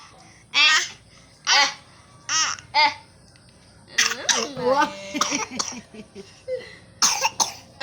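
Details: An infant boy gives four short, voiced coughs, then babbles and fusses: infant cough.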